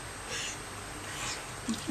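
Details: Dog with a cough that is improving, less bad than before: a few faint, short, harsh cough bursts against quiet room noise.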